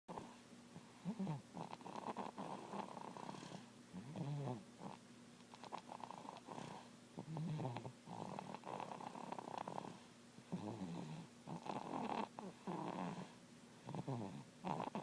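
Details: Snoring: soft, rough breathing noises recur irregularly, about 19 a minute, with a faint purring quality.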